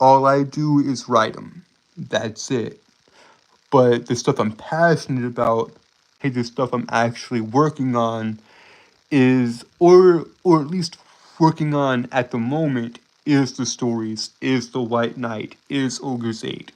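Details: Adult male streamer with a self-reported speech impediment that makes him stutter and trip over his words; stuttering.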